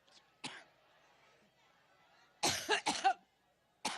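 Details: A single cough, then a quick run of three harsh, throaty coughs and another starting, from an adult speaker, with faint room noise between; repeated coughing.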